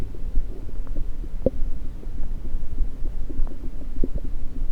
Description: Today's Stomach recording session has the Stethoscope placed on multiple parts of my belly.